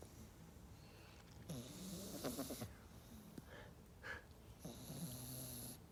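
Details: Sleeping pet snoring with soft rattling snore bursts and a snort over low room hiss.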